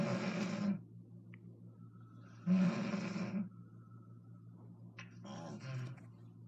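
Loud, harsh snores with a low vibrating rattle, three in about six seconds, separated by quieter breathing and a steady room hum: snoring.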